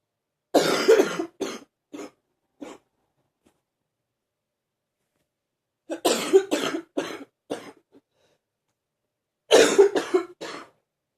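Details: Three bouts of deep, chesty coughing, each a string of three to five forceful coughs, in a quiet room, from someone ill but feeling a bit better; deep cough.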